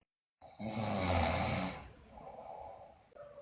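One loud, rough, rattling inhaled snore that fades into quieter breathing.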